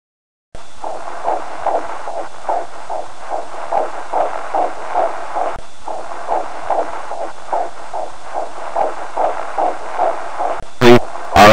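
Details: Fetal heartbeat picked up by a fetal Doppler: fast, rhythmic whooshing pulses over a steady hiss.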